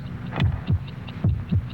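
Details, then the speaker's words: Human heartbeat from a vintage Bufferin TV commercial: steady low lub-dub, regular rhythm, about 72 beats a minute, over a faint hum. "heartbeats if you had taken buffering at its start buffering could already be getting into your bloodstream"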